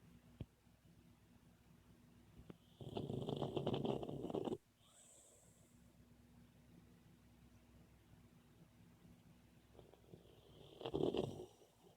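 Two rough, noisy snoring breaths several seconds apart from a sleeping puppy, against quiet room noise.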